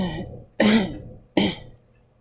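Two loud, abrupt coughs about a second apart, each a sharp burst fading quickly; plain coughing.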